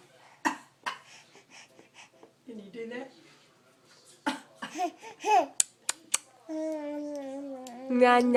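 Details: Sneezing in a playful scene with a baby cousin: several sharp sneeze-like bursts among playful voices and laughter in a small room.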